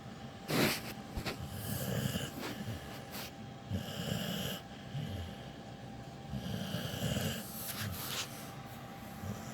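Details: Sleeping dog with cropped ears, described as a loud snorer: soft, irregular snuffling snores and snorts with room noise and a faint steady hum.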